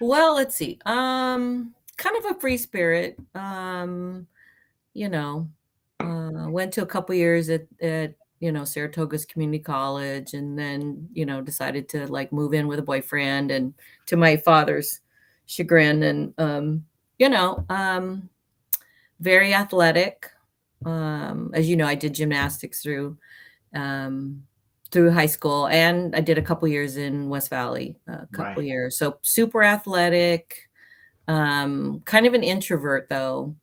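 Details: Adult woman with mild expressive aphasia (halting speech) from a traumatic brain injury in a May 1990 car accident, about 30 years earlier; worse when nervous or tired; aphasia.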